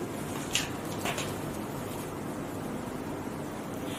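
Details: Steady suction hiss with two brief squelching bursts as the catheter clears a premature newborn manikin's airway during simulated neonatal resuscitation training: airway suctioning.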